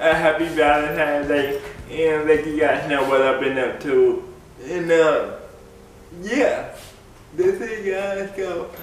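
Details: Dysarthric speech in an adult man with cerebral palsy; the cerebral palsy is named, but no speech disorder is named.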